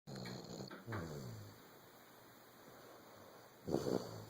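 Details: 14-month-old Vizsla dog asleep: low, rattling breath sounds with a louder snort near the end, over steady room hum; snoring.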